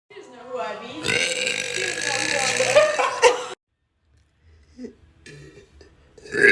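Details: A long, loud, rumbling burp lasting about two and a half seconds, then quiet with faint voice sounds.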